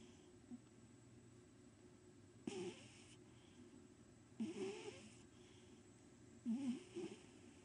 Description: my old fat cat snoring